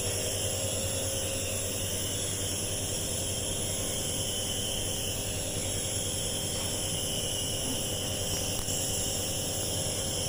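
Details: Steady mechanical hum and hiss of a nebuliser compressor running continuously during nebulised inhalation treatment for a patient with severe cough, patient told to breathe normally; nebuliser compressor running.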